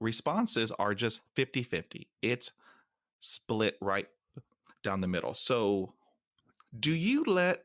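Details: Man almost 50 who stutters, including when alone; stuttering.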